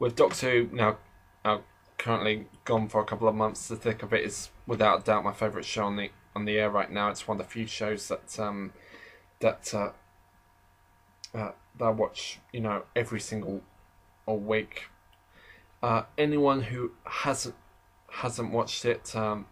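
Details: Adult man who describes himself as slightly stammering, heard in natural conversational speech with part-word and word repetitions; stuttering.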